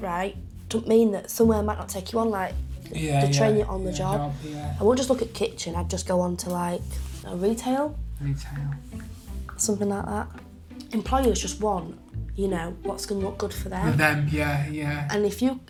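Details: Adult speaker in conversation; Conversational speech.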